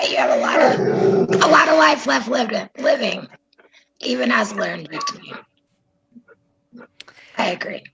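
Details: Adult woman speaking; normal voice.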